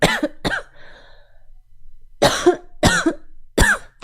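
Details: Five short, sharp coughs in two groups with a quiet pause between them, from a woman who says she coughs a lot all night.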